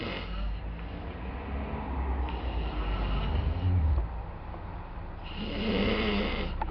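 Loud, long, rumbling snores on the in-breath, with a rough rattling quality, from a sleeping man.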